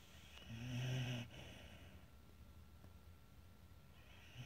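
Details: Pet dog that sleeps beside the owners' bed and snores a lot: a single low, rumbling snore on breathing in, then quiet breathing with faint room noise. Snoring while asleep.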